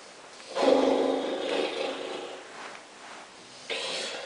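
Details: Snoring: a rough, rattling, growl-like breath noise lasting about two seconds, then a second one starting.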